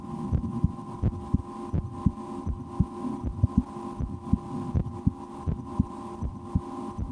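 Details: Own heartbeat heard through a stethoscope in a relaxation recording, breath held a couple of times while trying to speed the heart: soft thumps about 80 a minute under steady hum and stethoscope rubbing; normal heart sounds.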